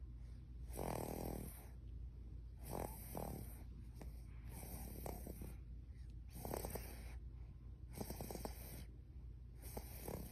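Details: Baby snoring: soft, rhythmic rattling snores recurring about every one and a half seconds, roughly forty a minute, over a steady low room hum.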